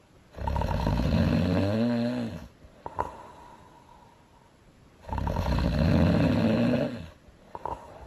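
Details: Cartoon character Elsa (Frozen) snoring loudly: two long, loud, rattling inhaled snores about five seconds apart, with quiet pauses between.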